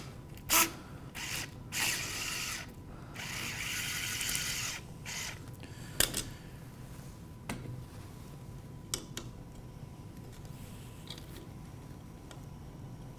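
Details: Ratcheting, grinding turns of a hand driver, then scattered clicks: a 5 mm self-tapping pin inserted at a slight angle, guided by a clamp, for a knee-spanning external fixator on a training model.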